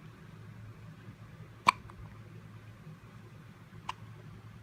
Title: hiccups